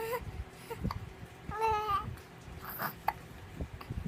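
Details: A 2-month-old baby boy with hiccups: brief whimpering and a short cry with babbling and a few abrupt catches in the breath, against room noise.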